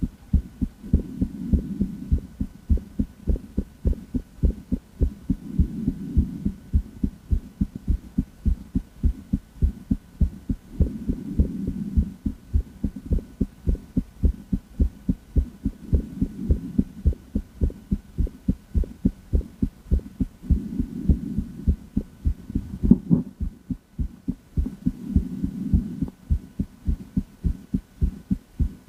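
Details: Female heart auscultated with a stethoscope: steady, regular heartbeats with soft breathing swells rising and falling in the background.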